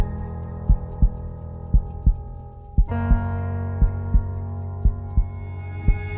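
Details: Simulated heartbeat sound effect: regular low thumps about 58 a minute under sustained epic music with partly female voices.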